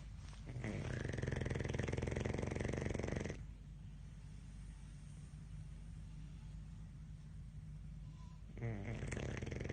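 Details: A sleeping dog gives heavy, rattling snores on long breaths, with a quieter pause between; snoring.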